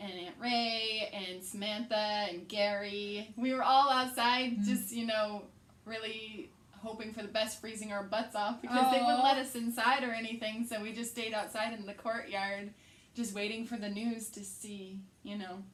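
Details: Adult woman speaking; normal speech.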